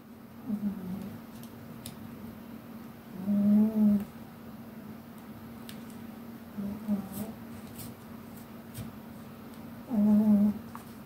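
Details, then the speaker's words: Pet dog, recently ill, sleeping nearby: snoring. "Alors, si vous entendez des ronflettes, normal, c'est mon chien."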